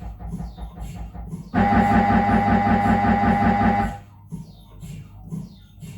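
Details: Loud rapid buzzing hammer with a steady high tone, about 158 pulses a minute, between softer knocking, from a Siemens Magnetom Avanto 1.5T scanner during a normal head examination; MRI scanner noise.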